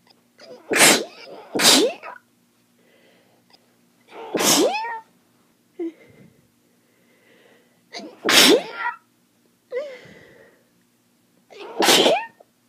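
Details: Morning bout of about five loud, wet allergic sneezes in quick succession with gasping breaths between, attributed to end-of-summer pollen allergy.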